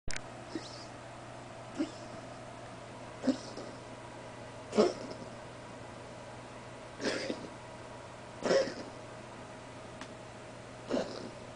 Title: Coughing